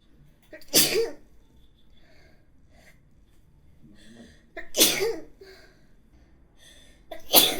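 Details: Sneezing from an adult woman: three sharp, forceful sneezes, each preceded by a brief intake of breath.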